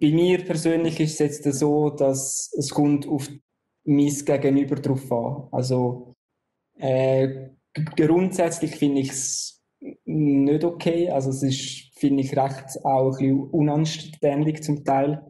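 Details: Adult who stutters, onset around the third year of life; stuttering.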